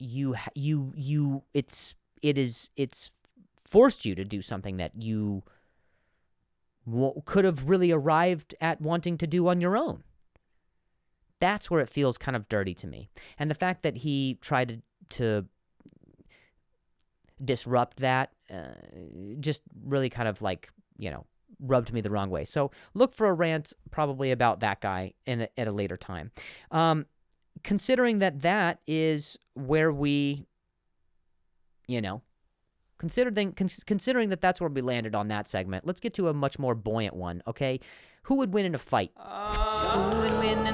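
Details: Adult man who stutters and says he has a difficult time saying certain words on some days; stuttering.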